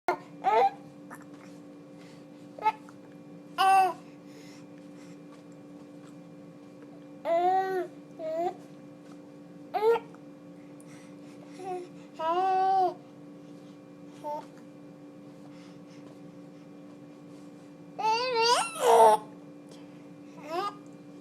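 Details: Baby talking with hiccups: infant babbles and coos, interrupted now and then by short, abrupt hiccup catches.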